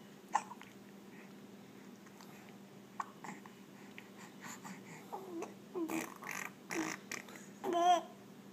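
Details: Infant gives two brief, sharp hiccups a few seconds apart, then babbles and blows raspberries over a steady low hum; ordinary infant hiccups.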